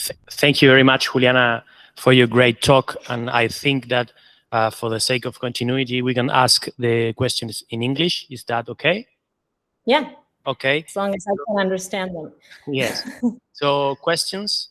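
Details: Adult speakers in conversation; ordinary speech.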